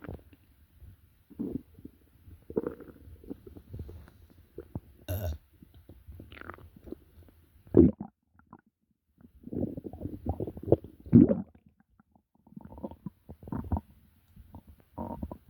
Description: I don't remember what I ate, but my stomach was making some wild croaking sounds.